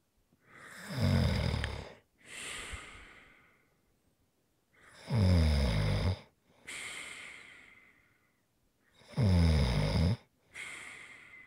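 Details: ASMR snoring recording: deep, vibrating snores on each breath in, then an airy breath out, about 15 breaths a minute; regular adult snoring.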